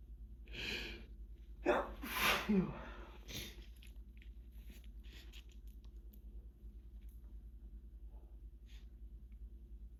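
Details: Hay fever (allergic rhinitis) sneezing fit in the final bout of the season: a run of big, forceful, wet sneezes in quick succession into a hand towel in a quiet room, with the sneezer saying it never ends.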